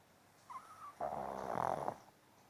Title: SNORING PUG